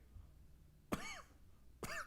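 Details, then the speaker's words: Adult sick all week with an illness, nose too blocked to breathe through, coughing and sniffling: cough. "Can't hear that. Hear that? The cough, the sniffles."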